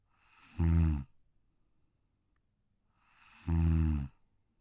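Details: Pug (brachycephalic, short-muzzled breed with broad, short skull) sleeping on a deck: two low, rattling snores separated by silence, from a narrow upper airway; snoring.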